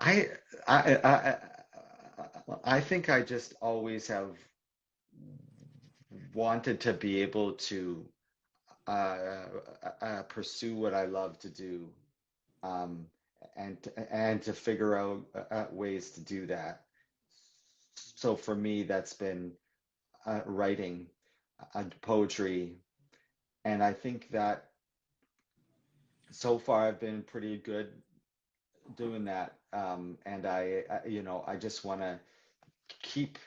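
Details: Adult man who describes himself as a person who stutters, in live conversational speech; stuttering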